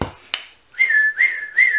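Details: Person with Tourette syndrome who says her tics were particularly bad that day; a whistle-like vocal tic occurs between speech; whistling vocal tic.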